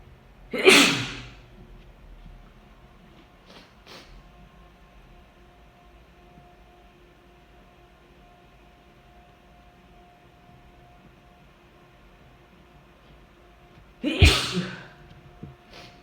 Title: Drunk and very strong sneezes